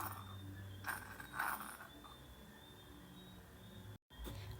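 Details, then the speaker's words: Teaching abdominal auscultation recording, very quiet with only a couple of faint, brief gurgles: hypoactive bowel sounds (hypoperistalsis). "Así los sonidos hiperactivos, donde hay incremento de la actividad intestinal, y los sonidos hipoactivos o hipoperistalsis suena así."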